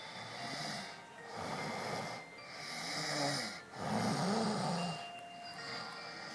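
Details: Slow rhythmic snoring during a daytime nap when very tired: about three breaths in six seconds, with soft rattling snorts over background music.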